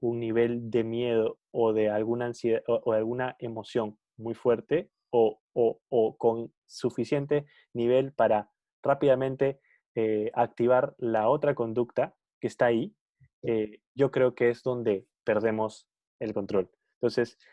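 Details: Spanish-speaking person who stutters, in a conversation between two people who stutter about stuttering variability; stuttering.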